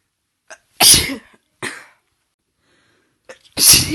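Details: Induced sneezes from a female with a cold, partly stifled: three sharp sneezes, each with a quick in-breath before it; the bursts are hissy and partly held back.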